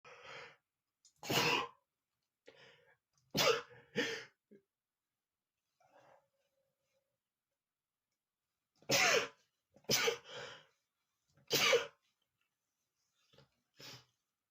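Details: Male sneezing while sick: a run of sharp, explosive sneezes, several in quick succession with pauses between bursts; sneezing.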